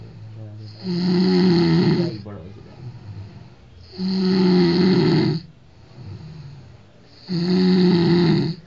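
Loud, rumbling snores, each lasting over a second, with quieter breaths between, about 19 a minute: heavy snoring.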